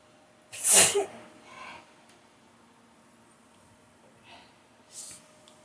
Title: Sneezing so hard in the morning